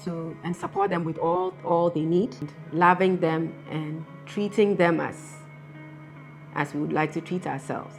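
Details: Adult woman speaking; ordinary speech.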